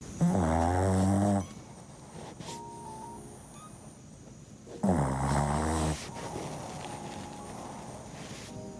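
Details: Sleeping dog Oreo snoring: two loud, rattling snores a few seconds apart, quieter breathing and faint background tones between; plain snoring.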